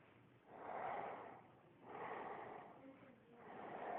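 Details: Sleeping male who had passed out, slow rough breathy snorting snores, about two breaths in four seconds, muffled recording: snoring.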